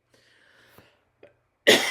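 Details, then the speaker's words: One sudden loud, harsh cough after near-silence with faint clicks, from an adult speaker with a sore throat and hoarseness. "Sorry, I'm fighting a bit of a sore throat, some hoarseness right now."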